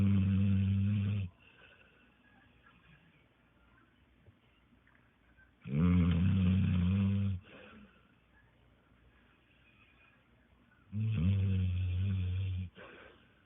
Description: Sleeping bully and snores like a grown up